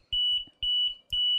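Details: LTV 950 home ventilator alarm after circuit disconnection: three sharp, high-pitched electronic beeps repeating about every half second, with disconnect-sensor and low-pressure alerts.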